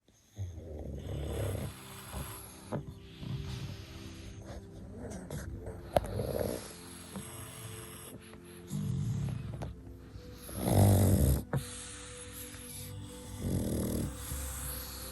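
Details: Sleeping pugs snoring: low rumbling snores and snorts recurring through sleep, with faint background sound; snoring typical of flat-faced dogs.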